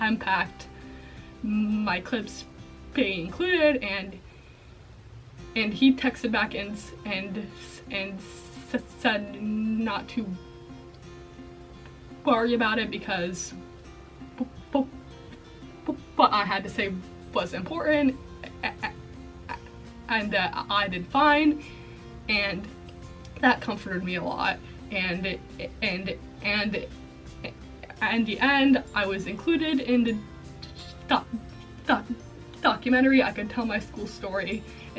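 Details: Female college student with a self-reported stuttering disorder, with repetitions throughout; stuttering.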